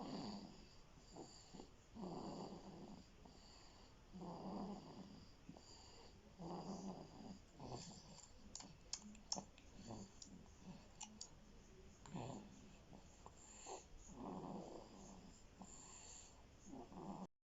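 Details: Sleeping "elf" snoring: soft, regular snoring breaths roughly every two seconds, with some clicks and small snorts in a quiet room.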